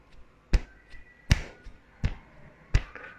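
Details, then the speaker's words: Normal lub-dub heart sounds: paired thumps, a louder beat then a softer one, at about 78 a minute. They are made by the heart valves as the ventricles pump blood. "ये एक आवाज आती है। इस आवाज को हम कहते हैं लब डब। खुलता है, बंद होता है, तो उसे हम क्या कहते हैं, लब डब।"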